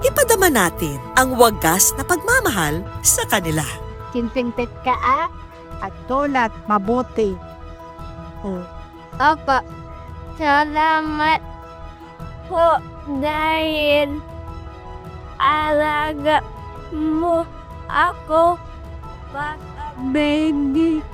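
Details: Dysarthria in a child with cerebral palsy who cannot walk and has difficulty speaking.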